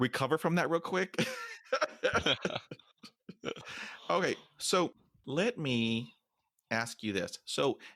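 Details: Man almost 50 who stutters even when alone; stuttering.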